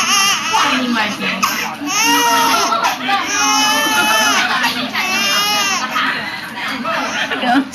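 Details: Young girl crying and trembling after receiving an injection: loud, sustained crying with sobbing breaths and wavering pitch, in a small room.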